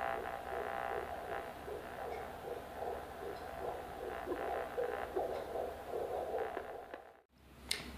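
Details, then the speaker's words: Fetal heartbeat heard through a handheld Doppler on a pregnant woman's belly during a midwife's prenatal check (belly circumference 84 cm); a fast, galloping, whooshing pulse of about 150 a minute, likened to a galloping horse. "und damit höre ich jetzt einmal die Herztöne vom Baby ab super wie ein Pferdchen beim Western ganz schön wunderbar"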